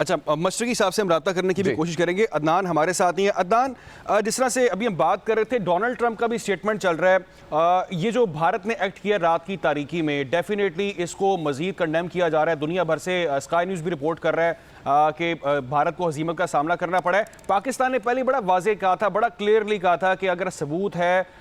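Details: Adult news presenter; normal voice.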